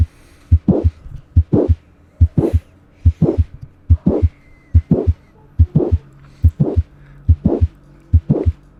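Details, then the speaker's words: Mitral valve prolapse: regular heartbeat near 71/min with a mid-systolic click followed by a short, diamond-shaped late systolic murmur. "la configuración es en forma de diamante iniciando con el chasquido mes o sistólico y este ruido se escucha de la siguiente forma"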